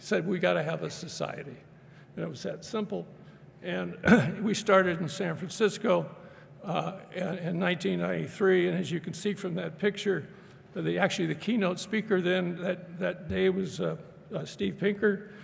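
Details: Adult man speaking; normal speech.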